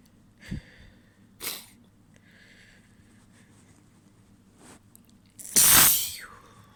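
Several sneezes, some stifled and soft, ending with one loud, wet, full sneeze in a quiet room.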